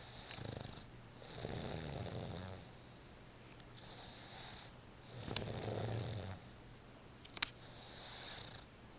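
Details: Sleeping pet having a snooze, usually louder than this: soft, rough rattling breaths in slow cycles with a faint steady room hiss; quiet snoring.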